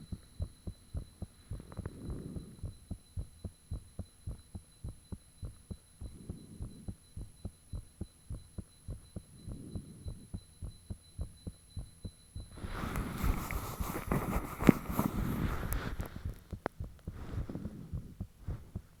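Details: Self-recorded own heartbeat, fan off, shortly after the heart began feeling really thumpy: strong, rapid paired thumps at about 100 per minute, with a burst of rushing noise toward the end; high-pitched valve noises reportedly audible late.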